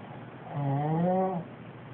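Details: Man snoring: one drawn-out, low, buzzing vibration about a second long with a wavering tone, over quiet room noise.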